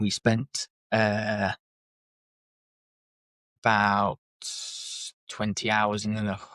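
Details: Adult man with lifelong stuttering (speech stammer since childhood), self-described as not too severe; blocks and repetitions; stuttering.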